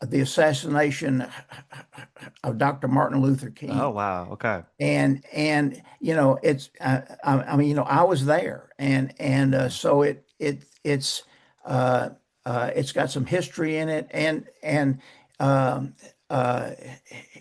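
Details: Persistent stuttering in an adult male author who says he still stutters, mainly blocks and bad airflow with some repetitions and prolongations.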